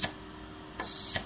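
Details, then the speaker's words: Dräger neonatal transport ventilator cycling at 60 breaths per minute (0.4 s inspiratory, 0.6 s expiratory): sharp mechanical clicks with a soft hiss between; normal operation. "so total we have a cycle of 1 second this would provide us with 60 breaths per minute"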